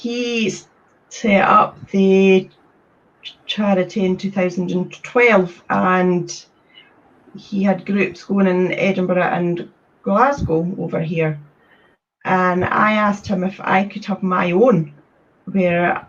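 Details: Stuttering in a male adult who has stammered since childhood and says it worsens under pressure; word repetitions and filled pauses are heard.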